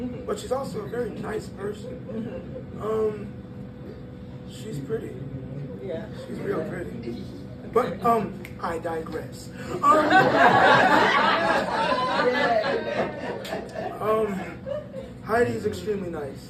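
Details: 22-year-old man born prematurely at about one pound whose vocal cords had to develop as he grew and still don't close all the way, giving a breathy high-pitched voice from incomplete vocal fold closure.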